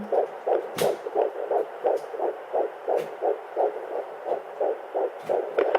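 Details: Fetal heartbeat at 9 weeks of pregnancy on home Doppler: rapid, regular whooshing pulses about 170 a minute, high but normal before about 12 weeks, when it settles to 140–160.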